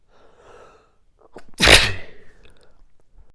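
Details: Morning allergic sneezing fit (happens every morning): quiet breathing, a short inward gasp, then one loud explosive sneeze.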